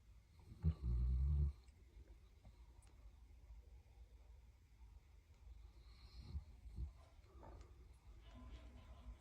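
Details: A sleeping Daniff puppy gives one deep, rumbling snore, then quiet breathing and soft snuffles; ordinary sleep snoring, possibly while dreaming.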